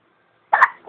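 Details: A single sudden, short hiccup breaks a quiet room and fades quickly.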